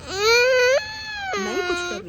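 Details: Loud, high, sustained crying wail from a toddler with viral fever of 104°F, eyes not opening, taken to the hospital emergency ward at night: crying of a febrile toddler.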